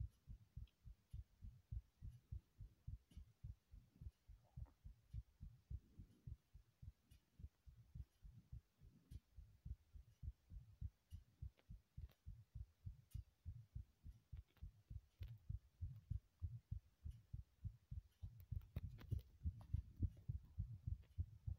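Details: Steady, low, muffled thumps in paired beats, a regular heartbeat heard over a faint hum, in a remade heartbeat recording.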